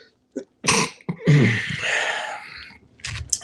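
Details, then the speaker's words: Adult sneezing during a live stream, unsure why and saying there is no hay fever: a single sneeze with a quick intake, then a loud burst of air, in a quiet room: sneeze. "I don't know why I'm sneezing. All right, let me sign in. There's 1 minute to 1. There's no hay fever. So why am I sneezing?"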